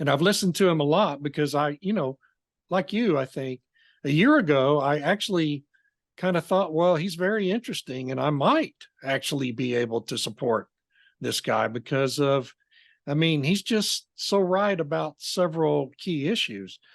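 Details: Adult speaker; typical voice.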